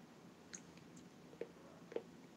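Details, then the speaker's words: Jaw clicking from temporomandibular joint disorder: three soft, sharp clicks as the jaw opens and closes during TMJ stretching exercises; the jaw tenses and the ears hurt. "can you all tell me can you hear my jaw clicking when i do my tmj exercises oh yeah"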